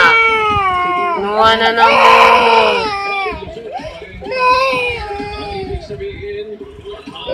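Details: Young child crying because his mother is pretending to die: loud wailing cry with sobbing breaks between bursts, an emotional cry; child crying.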